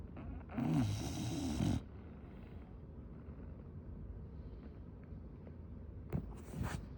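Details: Female English Bulldog snoring: a loud, long, rumbling snort-snore on the breath in, with a shorter snore starting at the end; noisy breathing typical of a flat-faced dog.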